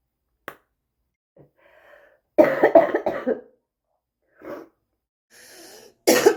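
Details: Harsh, rough adult coughing in a quick run of bursts; a bad smoker's cough.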